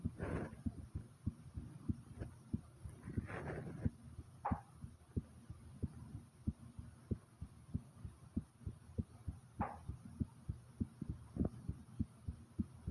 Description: my heartbeat starting slow then rises like comment subscribe and enjoy #heartbeat #asmr #subscribe